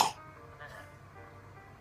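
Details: Child said to be sick with a cough gives a single short, sharp cough on request, followed by quiet room sound: cough.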